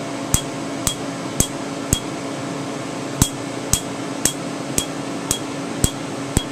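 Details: Sharp snapping clicks, about 110 a minute, over a steady hum: Candela TriVantage Q-switched 755 nm alexandrite laser, 2 mm spot, removing a name tattoo after topical anesthetic. A slight snap is a good sign.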